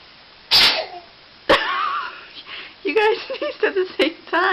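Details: Newborn baby sneezing, in a compilation of infant sneezes: two quick sharp sneezes followed by fussy, squeaky vocalising. Frequent newborn sneezing is normal and clears the nasal passages, not a sign of cold, sickness or allergy.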